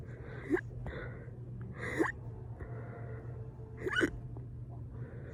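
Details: Fast hiccups induced by burping: three abrupt gulping catches about two seconds apart, roughly 30 a minute, over steady background hum.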